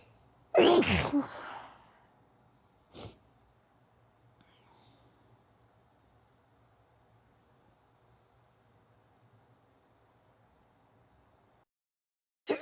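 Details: Sneezing: one sharp explosive sneeze, then a faint second puff and near silence with low room hum.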